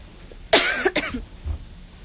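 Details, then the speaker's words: Cough in an adult woman: two quick harsh coughs from a lingering cough that persists despite medicine and home remedies (soy sauce with lime), with a hoarse voice. She hopes it is not tuberculosis. "Ya, suara saya serak karena batuk."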